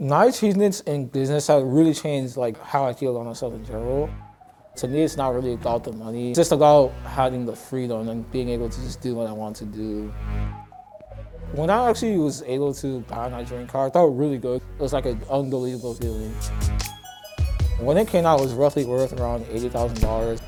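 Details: Young man with Moebius syndrome affecting the sixth and seventh cranial nerves (facial nerve palsy, no facial expression); parents could understand only about half his speech when younger; mild articulation imprecision.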